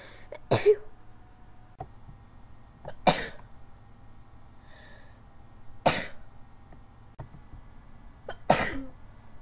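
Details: Sneeze attack with the window open and the person needing to blow their nose: four sharp, explosive bursts spaced a few seconds apart in a quiet room; repeated sneezing.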